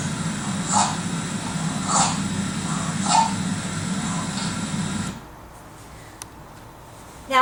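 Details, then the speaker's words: Sleeping child with obstructive sleep apnea: repeated brief gulping, choking noises over a steady hum as airway muscles relax and block breathing until he partly wakes and catches breaths; obstructive sleep apnea. "until his brain wakes him up a little bit so he catches a few bre uh breaths and again the deeper he goes back into sleep the more those muscles relax again and the blockage happens again and again he goes through the effort you can almost hear him swallowing his own tongue right"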